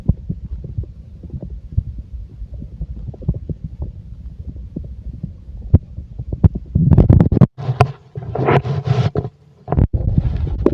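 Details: Bowel sounds from a full stomach: low gurgling and bubbling rumbles that grow louder, with rushing gurgles in the second half.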